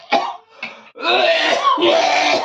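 Two short acted coughs followed by a strained, raspy throat-clearing sound; an imitated cough in a comedy skit.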